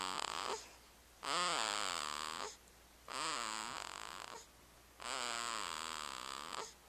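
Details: A sleeping animal snoring slowly and regularly, with long wheezy, whistling breaths about 30 a minute, recorded on a Flip Video camera.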